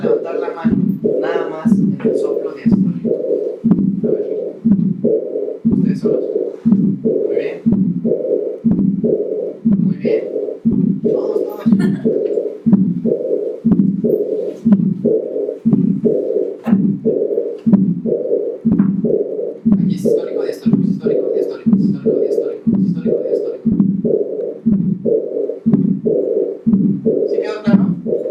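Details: Diastolic murmur with a small systolic component, the diastolic murmur predominating, on a Harvey cardiology simulator: aortic regurgitation.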